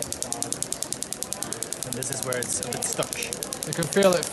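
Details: Shockwave (ESWT) applicator over the shoulder muscle, worked at 90 degrees to the fibres at lower frequency and energy 1.3, on an athlete with reduced right-shoulder motion: a fast, even train of sharp ticking pulses, voices in background.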